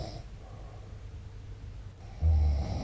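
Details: Adult man snoring during sleep: a low rumbling sleep noise that grows loud near the end.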